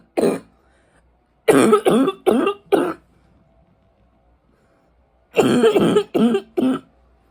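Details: Adult smoker with winter allergies: one cough, then two runs of about four deep, harsh coughs, nine in all. Deep barking coughs rattling through the chest.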